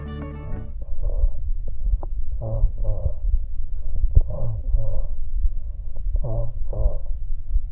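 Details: Egophony.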